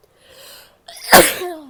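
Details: A woman sneezing, with coughing and nose blowing later: a short inward breath followed by one sharp, explosive sneeze that trails off.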